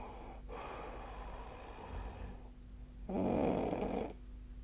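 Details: Two noisy sleep breaths in a quiet room, the second a louder, low, fluttering rattle: snoring during sleep, recorded 2025/01/20.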